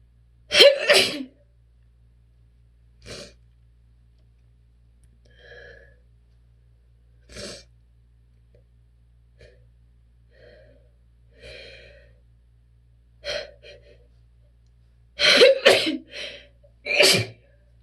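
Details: Repeated forceful sneezes with quieter, stifled holdback attempts between them in a quiet room, from an adult with relentless allergies, recorded on request while trying to hold sneezes back.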